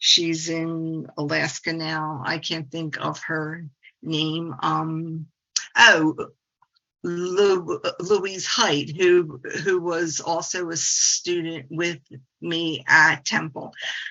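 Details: 68-year-old woman, a speech-language pathologist who stutters and embraced it through the stuttering support community over the past 25 years; adult stuttering in spontaneous presentation speech.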